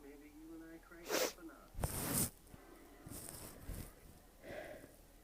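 Several short, muffled bursts of sneezing, held back rather than released fully, with quiet room noise between them.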